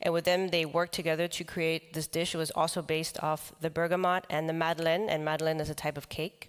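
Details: Adult man with the neurological disease dystonia, which in his case causes uncontrollable neck movements and can affect other body parts; he reports having no real tone of voice; real speech, monotone and flat-pitched: voice dystonia.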